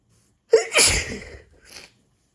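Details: Person with severe hay fever after cutting grass: single forceful sneeze with a sharp intake before and a brief sniff after.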